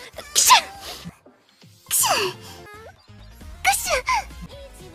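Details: Acted, cute voiced imitation of sneezing ("kushu") in an Umamusume alphabet song: three quick, high-pitched sneezes with soft voiced sounds between them and faint music.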